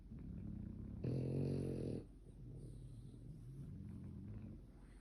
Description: She snored so loud she woke up both her parents